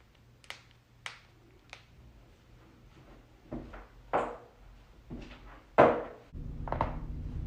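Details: Loud cracking during a back adjustment: a handful of sharp pops and dull thumps as the joints crack.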